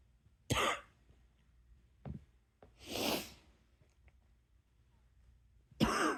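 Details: Several harsh coughs separated by short pauses and quiet breaths in a small room; a nighttime coughing attack with repeated coughing.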